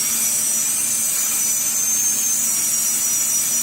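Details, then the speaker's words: MP1 abutment on an implant analog compatible with a Zimmer 4.5 mm implant, demonstrated on a model: continuous high-pitched whine and steady grinding as a normal carbide burr shapes the abutment like a natural tooth before impression; dental drill. "Let me continue grinding that. It goes smooth as a butter."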